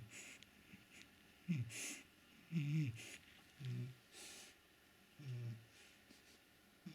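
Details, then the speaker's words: Shar-Pei dog asleep, warmed up next to a radiator, snoring with low snorting snores about once a second in a quiet room. "Друг ты Что храпишь тут так А ты что так храпишь пригрелся возле батареи храпишь тут"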